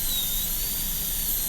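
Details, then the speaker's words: High-speed dental drill with burr held vertical cutting a Class II #30 MO preparation on a lower-arch typodont model tooth during a teaching demonstration: steady high-pitched whine while drilling holes and cutting away from lingual and facial walls. "cut away from that wall, drill a hole over on the other side facially, and then cut away from this wall, then see how you're doing."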